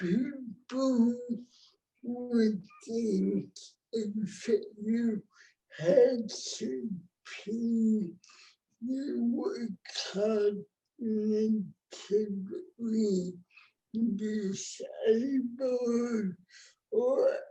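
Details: Adult woman with cerebral palsy, present from birth (born before the ADA); dysarthric speech, though the speech disorder is not explicitly named.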